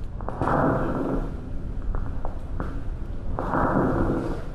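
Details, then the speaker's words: Lung crackles in a bronchial physiotherapy demonstration: two noisy breath phases with fine crackling, popping sounds and a few sharp clicks, likened to walking on snow. "eso es una crepitación es como si fuera andando por la nieve y fuera pisando ponlo Exacto"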